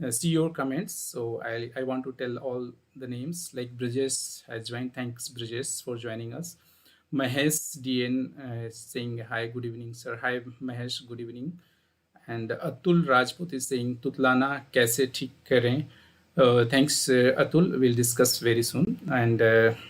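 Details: Adult male speaker; normal voice.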